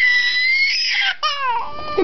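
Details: Young child crying after not getting his way over a marker: a loud, high-pitched wail that breaks briefly, then resumes with a falling pitch; ordinary crying.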